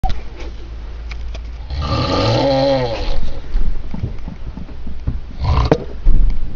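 A loud, low, rattling snore lasting about a second, with a shorter second snore near the end, heard over room noise.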